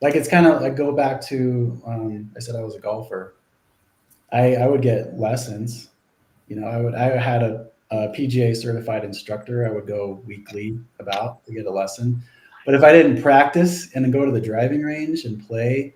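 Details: Adult male speaker; no speech disorder.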